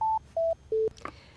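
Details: Three short descending beeps, then a faint click, as the on/off button is held on a Medtronic LIFEPAK automated external defibrillator during AED training and maintenance; AED power-off tone.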